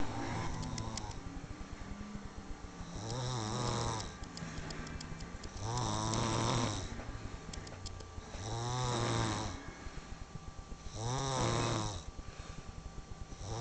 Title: 2009 snoring champion